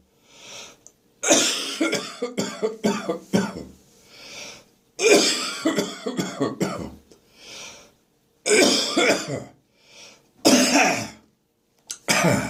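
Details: Morning after waking, with catarrh in chest and throat: repeated rough coughing and hacking bouts with audible in-breaths between, clearing phlegm; productive wet cough with throat clearing.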